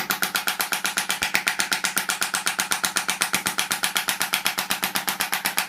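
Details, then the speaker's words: Extracorporeal shockwave therapy for a patient's tennis elbow with distal tendon thickening, set at pressure about 100–110 and high frequency: sharp, very regular rattling pulses about four per second. "with the shockwave you can go reasonably high on the pressure so I would say hundred hundred and ten let's just sort of set and I go quite high in the frequency"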